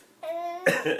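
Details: Grandfather with a bad cough gives a single harsh, loud cough burst after a steady high-pitched vocal sound from a 6-month-old baby who seems startled and amused.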